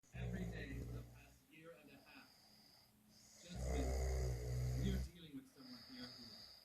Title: Snoring.